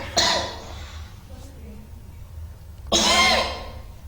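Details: An adult fakes two loud, harsh coughs a few seconds apart over low room hum, pretending to cough out fake blood as a prank. These are deliberate, acted coughs, not illness.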